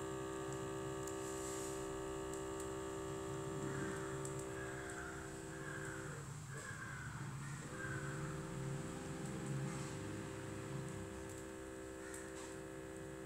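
Steady motor hum with a brief dip midway, the sound of an automatic blood pressure cuff inflating during a measurement.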